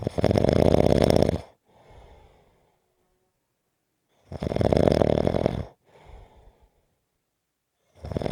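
Loud rattling snores on each in-breath, followed by a softer breathy out-breath, about 14 breaths a minute; typical snoring.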